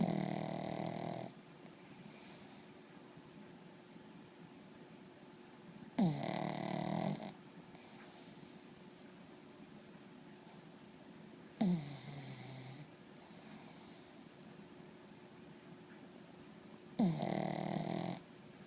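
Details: A pug falls asleep with loud, rough snoring bursts about every five to six seconds, then wakes himself up; snoring.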